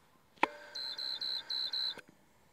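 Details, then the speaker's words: Parapac 200D volume ventilator set up for adult cardiac arrest, demonstration: a click, then five high-pitched repeated electronic beeps, the alarm showing the tubing is kinked somewhere in the circuit. "tubing is kinkedked somewhere. Trace the whole setup."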